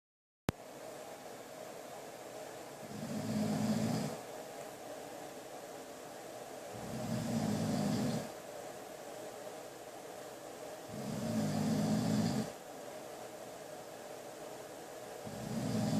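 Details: Snoring from a sleeping adult man who claims he just breathes heavily: slow, rumbling snores on each breath, about 15 a minute, with quiet gaps over a steady background hum.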